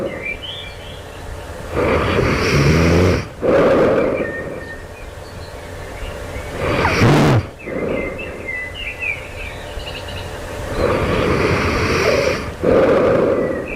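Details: Loud, rough in-breath snores uneven in strength and timing, brief quieter gaps, some outdoor bird sounds, recorded just before waking; the snorer wonders if this is sleep apnea; heavy snoring.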